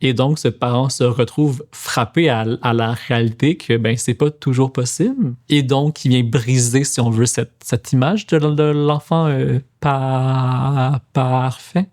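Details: Stuttering in an adult male speech-language pathologist and doctoral student who says he stutters, speaking French.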